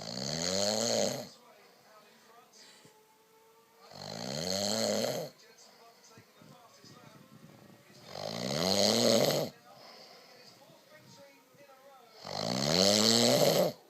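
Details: Adult man snoring after too much wine: loud, regular rumbling snores, about 14 breaths a minute, with quiet exhalations between.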